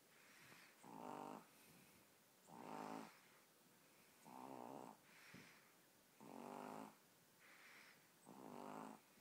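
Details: Penny, a 15-week-old puppy fast asleep, snoring: regular soft, buzzing snores about every two seconds, roughly 30 breaths a minute.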